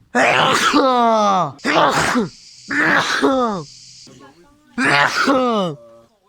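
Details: Repeated sneezing from a person claiming to sneeze 85 times: three loud, explosive sneezes in quick succession, each a sharp burst falling into a voiced groan.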